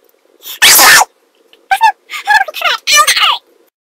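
One loud, sharp sneeze burst, followed by a few brief voiced sounds; an ordinary sneeze.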